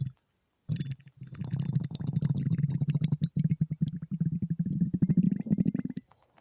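Low, bubbling, continuous gurgling rumble lasting several seconds after a brief pause; ordinary stomach rumbling on an empty stomach.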